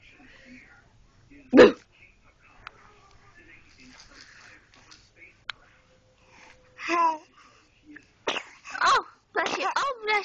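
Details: 4-month-old infant giving a single sharp sneeze, then a few soft baby vocal sounds in a quiet room.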